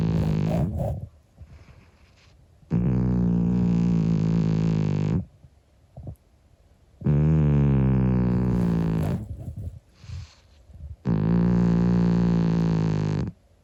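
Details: 25-year-old calico cat snoring while asleep: long, loud, buzzing droning sounds with each breath, about 14 a minute; harmless snoring.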